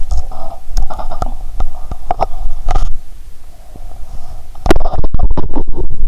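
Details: Stethoscope on the belly while lying down, after drinking cola and swallowing Mentos: frequent gurgles, pops and rumbling bursts; active bowel sounds.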